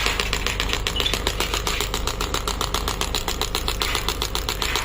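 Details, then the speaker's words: Biotronix 10-bar pneumatic shockwave therapy machine with an internal compressor, started from the handle button. It gives rapid, regular sharp clicking pulses, about 90 per minute, over a steady mechanical hum. "once you press the start button and the start button in the the handle then it will start working it's a very good machine"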